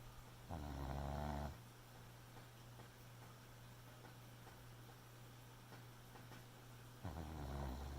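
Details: Sleeping Boxer puppy: two loud, rough, low snoring breaths about six seconds apart over a steady low hum; puppy snoring.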